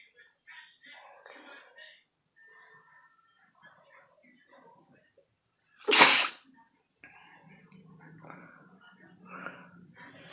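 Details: A single loud, sharp sneeze bursting out between quiet background talk; sneeze.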